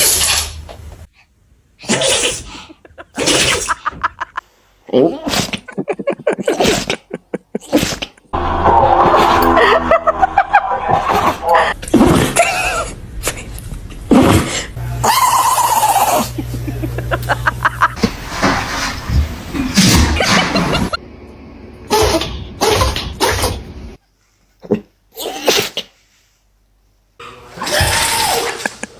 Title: The dog is sneezing#fyp #foryoupage #dog #funny #foryou